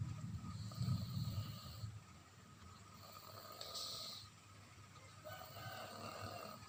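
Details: Soft, low snuffling snores from a sleeping baby with faint room noise: gentle noisy breathing in sleep, infant snoring.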